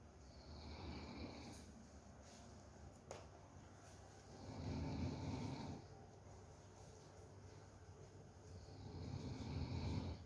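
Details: Dog falling asleep snoring: soft, rumbling snores rising and falling with slow breaths, about three in ten seconds.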